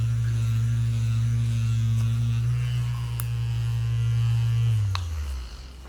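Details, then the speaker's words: A percussive vibration massage device, working on the fascia through waves, vibration and percussion, runs on the body of a very large man with years of muscle tension during a chiropractic session: a steady low motor hum with faint rapid pulsing, fading out. "彼には、波動、振動、打撃を通じて筋膜全体に作用するタイプの機械を使用します。ここでは、筋膜が下まで完全にリリースされます。"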